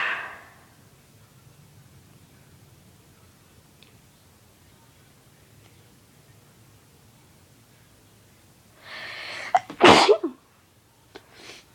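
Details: Induced sneeze: a sharp inhaled build-up, then one loud explosive sneeze and a brief exhale, in a quiet room.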